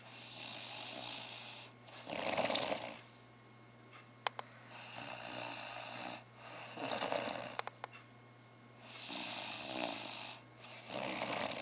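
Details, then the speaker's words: A sleeping person snoring, loud enough to be compared to a truck outside: loud rasping snores at about 14 a minute, alternating with quieter breathing over a room hum. Snoring. "was I snoring you sound like that truck outside"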